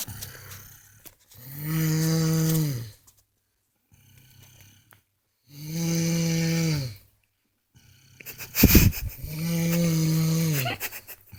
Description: My little brother is snoring it was hilarious!!